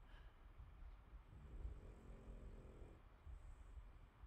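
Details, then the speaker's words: Soft, low, buzzy snoring from a dog sleeping soundly in a quiet room, over a faint background rumble; ordinary snoring. "hello Carissa his snore is so cute so yes you can hear it is it loud Marissa I'd be totally honest is it loud and is it going to be distracting through this whole video let me know"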